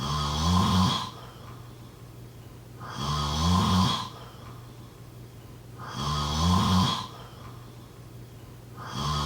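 Regular rumbling snores on each breath, about 20 a minute, over steady background hiss; ordinary snoring.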